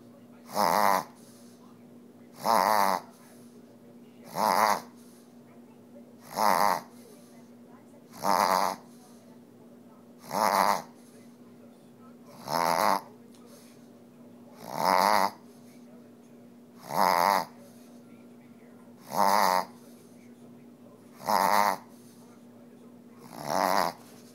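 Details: Pug dog after a bath, attributed to post-nasal drip: repeated harsh snorting breaths about 28 a minute; reverse sneezing.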